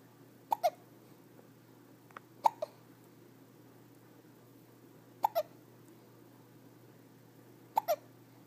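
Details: Hiccups on day 7: four sharp, paired hiccup jolts at a steady pace of about 25 a minute over quiet background hiss; ordinary hiccups.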